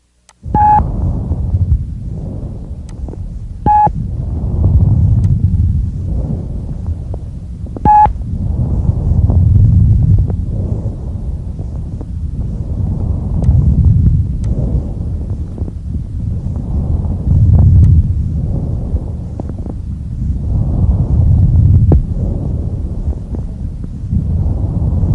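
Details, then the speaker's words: Normal bronchial breath sounds, normally heard only over the manubrium: loud, high-pitched, hollow like air through a pipe, with a distinct pause between phases and a louder, longer expiratory phase. "these characteristically loud high-pitched bronchial breath sounds resemble the sound of air blowing through a hollow pipe their expiratory phase is louder and longer than their inspiratory phase"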